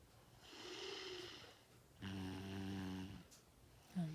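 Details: Young child snoring at night: two snoring breaths, the second with a loud rattling buzz.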